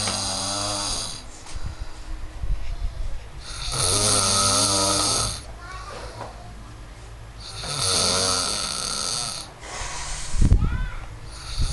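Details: Very loud, harsh rattling snores with each breath, quieter in-breaths between them and a steady room hum underneath; heavy snoring.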